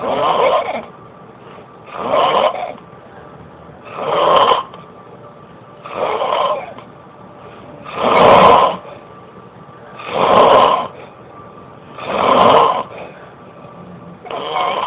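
Regular rattling snores on each breath, about 29 a minute, with quiet gaps between them: ordinary snoring.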